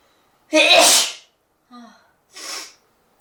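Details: A person's sneeze, sample clip, recorded with the model's permission.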